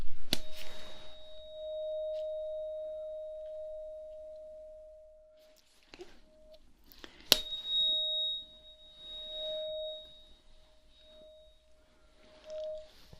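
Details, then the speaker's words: Simulated cranial nerve exam roleplay (ASMR): tuning fork struck twice, each a clear ringing tone slowly fading, placed by the ear for a Rinne-style test where the listener reports when the sound stops. "now close your eyes close your eyes and tell me which ear you hear it on okay now i'm going to hit it and you tell me when the noise stops in this ear first"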